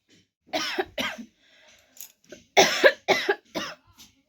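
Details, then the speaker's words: Real cough during winter, not faked: about six sharp, voiced coughs in two bursts separated by a short pause. "और सच में guys मेरा थोड़ा सा मतलब खाशी जो है वो सच में रियल हो रहा है"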